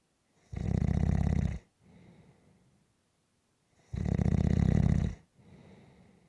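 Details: Snoring during a nap: loud, harsh rattling snores on each in-breath, each followed by a softer out-breath, at about 18 breaths a minute.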